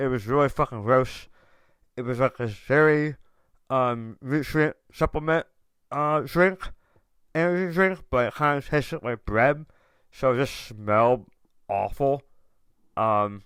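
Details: Adult male tongue cancer survivor diagnosed October 2021, in remission over 1.5 years, after removal of about 80% of the tongue reconstructed with left-leg muscle, plus proton therapy and chemotherapy, with reduced tongue and jaw movement: articulation impairment after partial glossectomy.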